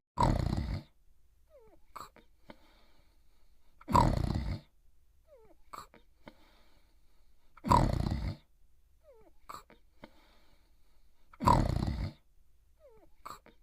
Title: Itchy Itchiford Sleeping & Snoring in 2 minutes